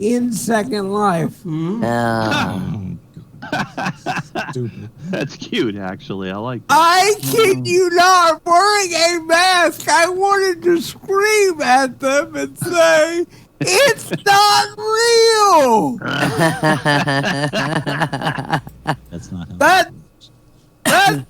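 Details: Male comedian who attributes his speech to cerebral palsy; dysarthria (cerebral palsy).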